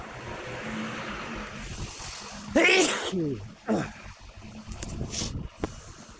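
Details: Man, not ill and outside allergy season, recorded on his watch: two sharp vocal sneezes in quick succession over faint outdoor noise; ordinary random sneezes.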